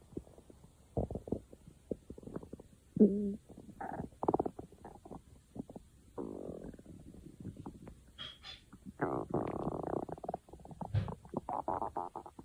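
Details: Bursts of gurgling, bubbling and low rumbling from the belly; stomach growling.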